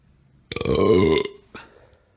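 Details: Burping: one long, loud, voiced belch lasting under a second, then a short second burst, one of a series of burps.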